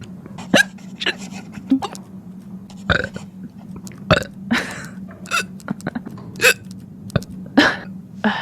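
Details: Hiccups with belching in a female streamer reading aloud: a run of abrupt voiced bursts, mixed burps and sharp hiccup gulps, roughly one a second.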